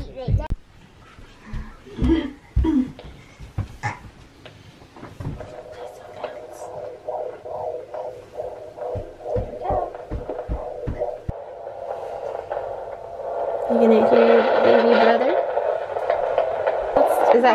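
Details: Eight months pregnant, homebirth prenatal visit with midwife, plenty of amniotic fluid: rapid, soft rhythmic pulsing of the fetal heartbeat through a listening device, with some rustling.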